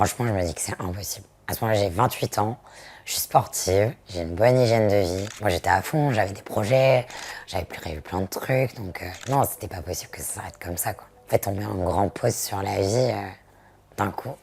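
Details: Voice after laryngectomy in a 28-year-old woman whose vocal cords were removed for HPV type 16 throat cancer, diagnosed October 2023 by vocal cord biopsies after about 3 months of hoarseness and then sudden total voice loss.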